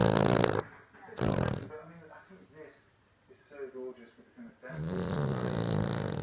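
A sleeping dog snores in loud rattling bursts, with softer snuffling breaths in between; ordinary snoring.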